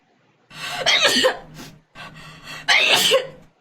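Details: Two forceful, explosive sneezes in a row, each with a sharp intake, from an adult during a self-administered Covid-19 nasal swab test: sneezing induced by nasal swabbing.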